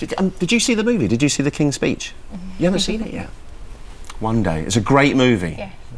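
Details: Adult male speaker; normal conversational speech.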